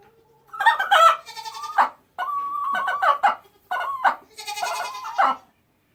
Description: Found one of my chickens making some weird sounds and discovered she was backed up and couldn't poop.